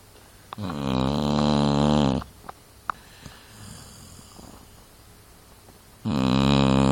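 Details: Loud, buzzing snores on each in-breath with quiet pauses between, about two breaths in seven seconds, from a sleeping dog; snoring.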